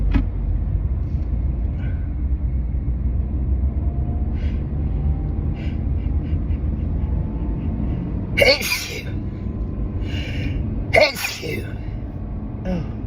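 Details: Allergic sneezing fit in a moving car, set off by a strong synthetic air freshener after a day of pollen, wedding flowers and stifled sneezes: two sharp, partly muffled sneezes over steady engine rumble.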